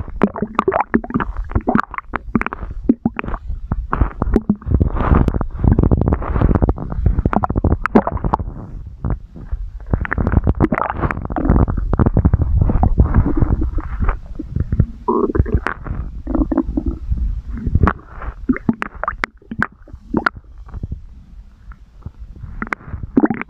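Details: Adult stomach growling (borborygmi): irregular low gurgles and rumbles from the abdomen as gas and fluid move.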